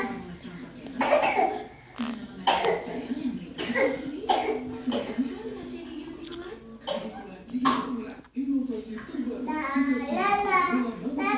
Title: Anak sakit batuk sambil nyanyi